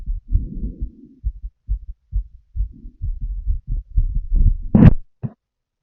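Soft, fairly quick heartbeats through a stethoscope with some rustling and a brief louder noise near the end.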